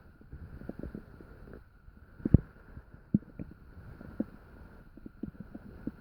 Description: Mhmm~ Woke up in the middle of the night and I'm amazed it's so active. Anyways, take this as me digesting my dinner still, or digesting my unfortunate prey~